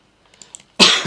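One short, harsh cough burst after quiet background.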